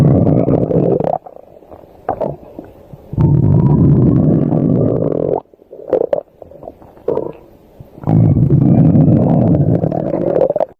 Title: Linai’s Stomach growls while going outside!